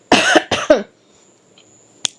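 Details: A quick run of three voiced coughs from an adult woman who says she is losing her voice, followed by quiet and a single faint click. Finding: cough.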